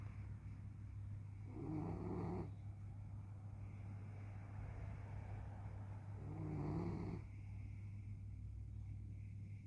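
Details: Snoring from Lexi, an animal; snoring.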